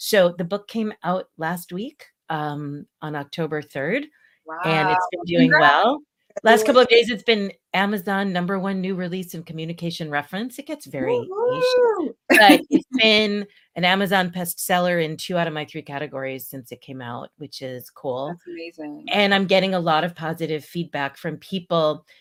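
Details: Adult woman speaking; normal speech.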